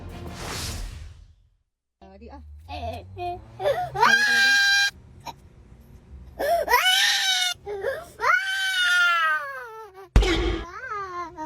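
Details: A young child wails in loud, drawn-out crying bursts with whimpering between, as in a tantrum; staged crying acted as content, per the mother's disclaimer.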